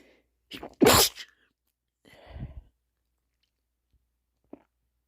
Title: 3 male sneezes